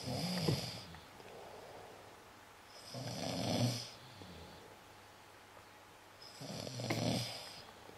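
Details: Three rough, rattling snores with hissy inhaled breaths, about 18 breaths a minute, against quiet room noise; snoring.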